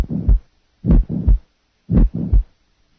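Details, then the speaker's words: Pericardial friction rub at a rate of 60 with both systolic and diastolic components, heart sound teaching recording; regular heartbeat with scratchy, grating sound over the beats. "listen now to a pericardial friction rub at the rate of 60 with both systolic and diastolic sounds"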